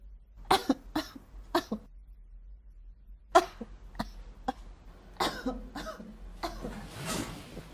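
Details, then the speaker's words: A series of acted, theatrical coughs from an adult woman in a comedic skit, in short bursts separated by pauses, styled as a "cough with shock value" for audience impact; cough. "ubo number one ubong may shock value Sakto lang ang kahol pero idadaan mo sa paglas sa sahig for audience impact"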